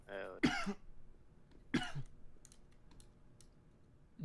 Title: office nova ace i cant stop coughing